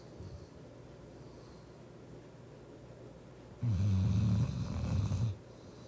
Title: My German shepherd snores as if she worked 12 hr shift to pay bills.